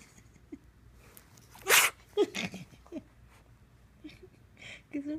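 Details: Miniature dapple dachshund sneezing: a sharp, hissing sneeze burst, then a few softer snorts and snuffles in a quiet room, with a faint voice in the background.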